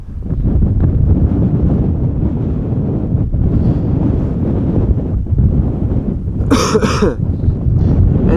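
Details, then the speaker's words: Adult with a still-hoarse voice and a remnant cough from a cold infection two weeks earlier, plus a runny nose in cold weather, coughs while talking. "Jin as you can hear my throat is still a my voice is a little hor still and I still have a little bit of a cough Remnant from a cold infection from 2 weeks ago"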